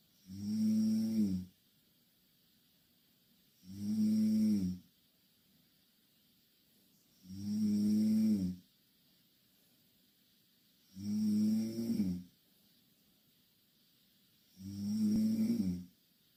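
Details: Two Korean girls sleeping in the same bed, snoring loudly: loud, regular rattling snores on each in-breath, about 17 a minute, with silent gaps; typical vibrating-airway snoring during sleep.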